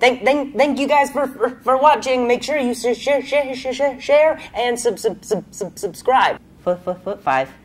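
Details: Adult male comedian with a stutter, reporting feeling a little sick that day; stuttering.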